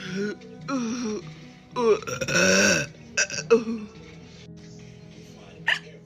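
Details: Hiccup burps: several loud, drawn-out voiced burps, one broken into short pulses, with music and talk behind; burping.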